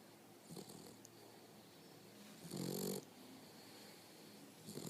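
Short, low, rumbling snore with a raspy, growl-like quality between quieter breaths; a dog snoring.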